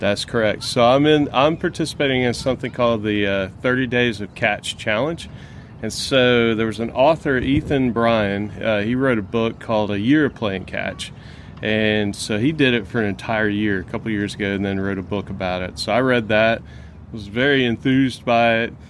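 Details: Adult man; ordinary speech.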